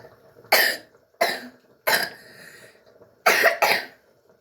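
Five short, forceful coughs in uneven bursts, the last two close together, in a quiet room: an adult's dry cough.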